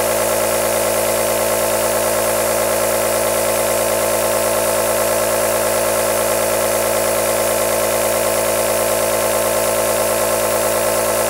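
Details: Aerosol nebulizer compressor running continuously as steady white noise, played for relaxation or to soothe a baby to sleep.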